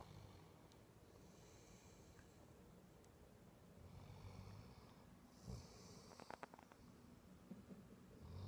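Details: Sleeping dog, called the world's loudest snorer, giving soft, low snuffling breaths with a few snorts over room noise: snoring.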